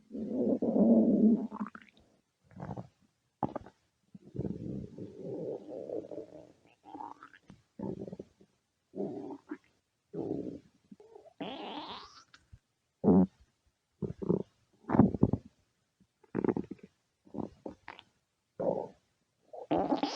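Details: Stomach growling: low gurgling rumbles and short squeaky bursts at irregular intervals, from gas and fluid moving through the gut.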